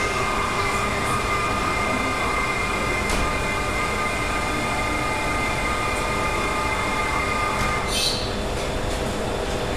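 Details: Patient having radiotherapy for a tumour in the head: loud, continuous mechanical roar with steady humming tones and occasional hisses as the linear accelerator runs and rotates during treatment.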